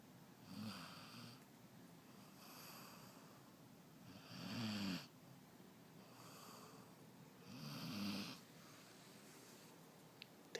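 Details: Snoring from a worn-out sleeper at 8pm, said to snore louder than her mom.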